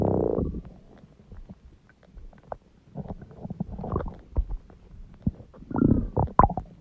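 Irregular gurgles, squeaks and low rumbles with quiet gaps between them: stomach growling, ordinary bowel sounds.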